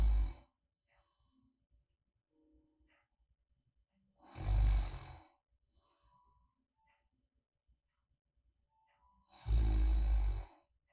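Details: Light snoring-sound ASMR for sleep: rough, rattling snores on each breath in, about 12 a minute, with quiet breathing in between; ordinary snoring.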